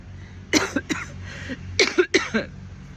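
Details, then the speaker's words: An adult walking outdoors in the morning with felt chest congestion gives four coughs in two quick pairs with a congested, chesty quality over a low outdoor hum: a chest congestion cough. "Decided that I needed to get some hot coffee instead of cold this morning, because I could feel the congestion in my chest. Yeah, I know y'all can hear me every time I cough."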